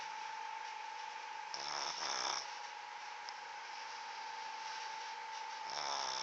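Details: Two soft rattling snores on the in-breath over a steady background hum, from a sleeping dog; snoring.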